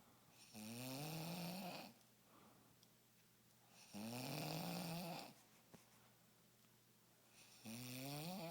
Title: Snore-O-Rama!